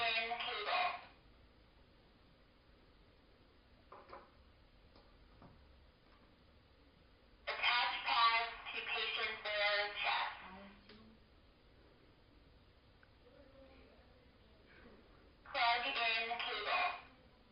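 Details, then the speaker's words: AED training demonstration: short bursts of recorded defibrillator voice prompts, separated by quiet gaps, e.g. "ensure that nobody is touching the victim" during analysis before a shock. "follow the spoken visual directions immediately ensure that nobody is touching the victim"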